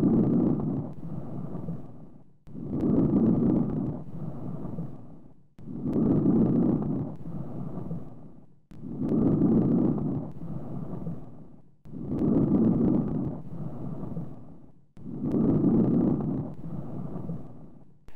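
Soft, low-pitched rustling breath sounds, about 19 breaths a minute; normal vesicular breathing.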